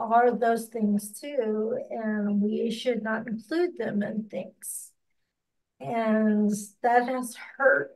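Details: Ataxic dysarthria in an adult with ataxia who reports speech difficulty and a lot of self-directed practice on pronouncing words.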